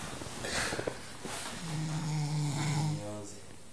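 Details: A sleeping armadillo snores with a low, buzzing, droning rumble, an ordinary sleep noise.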